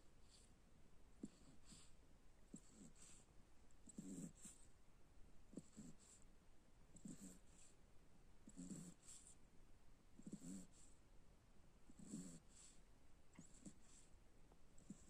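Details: Soft, regular snuffly snores with each breath over a quiet room: a cocker spaniel snoring in sleep, a normal finding.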